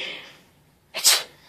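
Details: A short, sharp, hissing imitated sneeze after a quiet pause, made to amuse a laughing baby; fake sneeze, not a real one.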